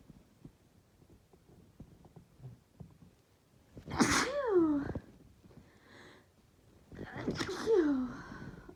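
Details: Quiet sniffing, then two forceful sneezes, each preceded by a breathy intake, in a person sick with a cold whose nose still tickles; sneezing.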